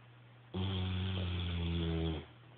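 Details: French Mastiff and Bullmastiff mix dog snoring: a single long, deep, buzzing, low-pitched rattling inhaled snore under two seconds.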